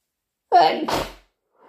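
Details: An induced sneeze from a person with a cold: a single loud sneeze, with a voiced intake building into a forceful burst of air.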